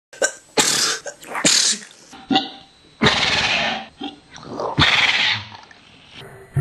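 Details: A dog sneezing repeatedly: a run of sharp, noisy nasal bursts, several close together, apparently getting slower and slower.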